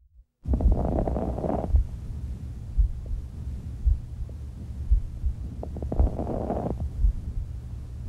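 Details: Stethoscope chest auscultation during a respiratory examination: two slow breaths with brief, fine crackling clicks late in each inspiration over a steady background heartbeat: fine crackles.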